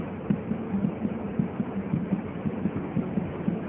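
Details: Fetal heart sounds during Leopold examination, counted in 5-second intervals with 5-second rests, heard over the lower right quadrant at the right paramedian line; rapid, regular soft thumps over a low hum, a normal fetal heartbeat, roughly 130–140 a minute.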